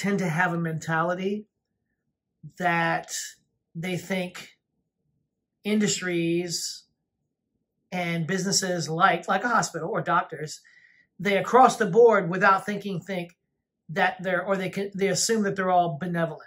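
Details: Adult speaker; ordinary speech.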